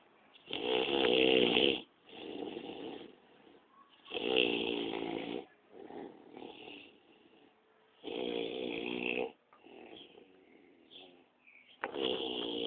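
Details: Two adult men, apparently after heavy drinking, asleep: loud rattling snores alternating with softer ones, every couple of seconds in a quiet room; snoring.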